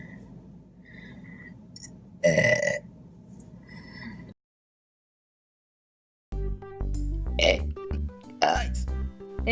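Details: Mukbang eating show with chicken fingers, fries and Diet Coke: a loud, drawn-out belch over quiet eating noise, a second belch later with background music; ordinary burping.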